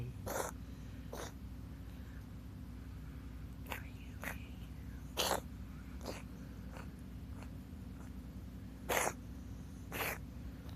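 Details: Wheezing in a cat, Yui: short, harsh, noisy breathing sounds in irregular bursts over a steady low background hum.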